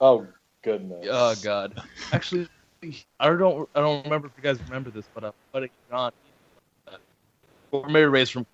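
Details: Adult man speaking; normal conversational speech.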